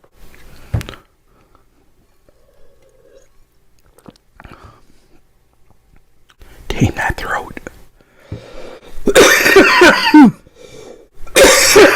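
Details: Coughing fit after vaping at 30 watts: after a quiet stretch, harsh, throaty coughs in four or five loud clusters.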